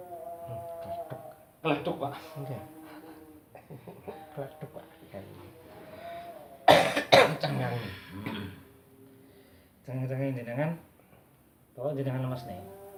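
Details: Adult male massage client with a long-standing chronic cough, now gradually improving, also reporting shortness of breath, tiredness and recent fever of 38; several loud, harsh coughs between quiet talk and breathing during a massage session.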